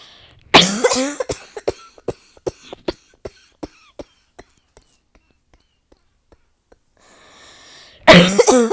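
A forceful cough followed by a long run of rapid, fading cough bursts, then another strong cough: part of a nonstop coughing fit.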